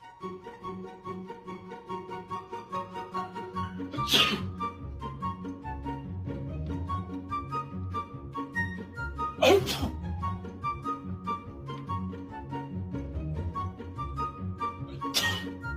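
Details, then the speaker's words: Three loud, sharp sneezes over background music, acted out as different sneeze styles in a comedy skit; simulated sneezing. "Different types of sneezes."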